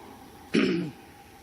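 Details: Isolated short, dry cough or throat clear during a commencement speech in an echoing hall; speaker has a coughing bout and reaches for a lozenge.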